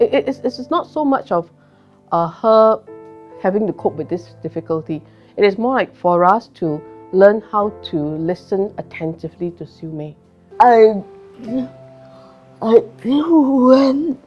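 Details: Adult woman speaking; typical speech.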